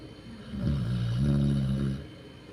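A single loud, low, rumbling snore from a sleeping dog, with quieter breathing before and after.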